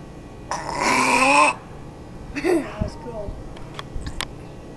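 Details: A loud, long, rumbling voiced belch followed by a shorter second belch and some faint room sounds: burping.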